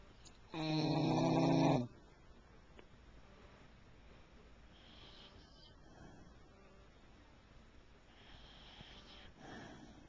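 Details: Snoring dog recorded with a Flip Video camcorder: one loud, rattling, buzzing snore lasting over a second, then quiet breathing with softer snoring noises.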